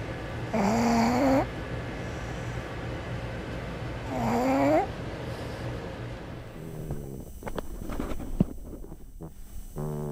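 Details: Pugs, small flat-faced dogs, asleep; two drawn-out rising honking snores, then clicks and room noise; snoring.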